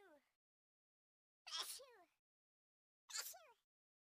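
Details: Three sharp sneezes, each with a forceful onset and a falling voiced tail, separated by silence.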